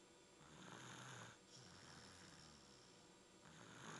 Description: Stuffy snoring....